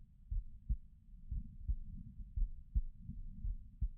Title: This is my heartbeat sounds